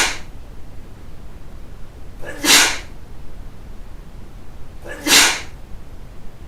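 Three sharp, hissing sneeze bursts, the last two about two and a half seconds apart, in a quiet room.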